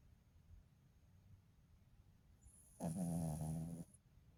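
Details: Sleeping female dog that sometimes snores very loudly: a quiet room, then a single loud, rattling, low snore lasting about a second.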